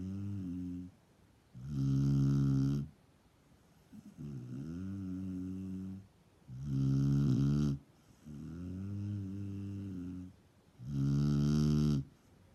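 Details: Snoring: loud, deep, buzzing snores on both inhalation and exhalation, about 13 breaths a minute.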